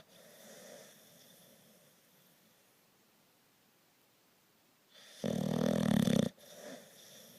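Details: Quiet breathing followed by one loud, rough, rattling snore on a breath in, during sleep; snoring.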